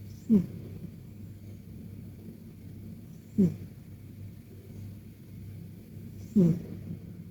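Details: Persian cat sleeping in a deep, relaxed nap, snoring: soft, low snorts repeat about every three seconds, roughly 20 a minute, over a quiet room hum.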